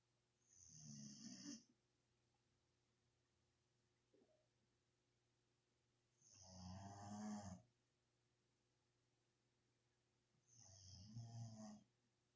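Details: A sleeping dog gives three long, loud, rattling snores about four seconds apart over a steady low room hum.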